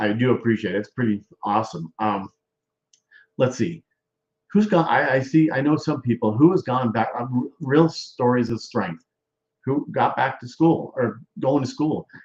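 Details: Male stroke survivor with post-stroke aphasia and word-finding difficulty; aphasia.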